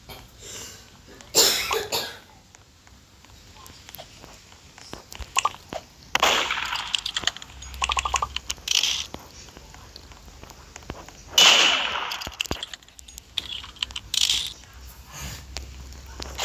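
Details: Adult mother with a fever coughing in the background: several bursts of coughing mixed with room and game noise.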